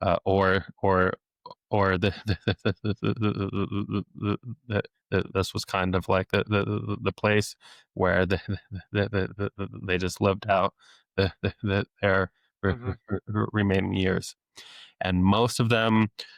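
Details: Adult male speech-language pathologist who has stuttered since age eight deliberately lets his stutter show; stuttering with sound, word and phrase repetitions.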